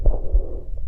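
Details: Stridor from obstruction of the larynx and extrathoracic trachea: a brief, loud, continuous tonal sound of intermediate pitch, audible at a distance, over low rumbling airflow noise.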